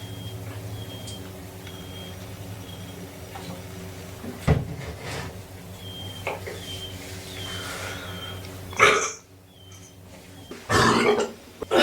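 A few loud, wet belches over room noise with a steady hum; ordinary burping.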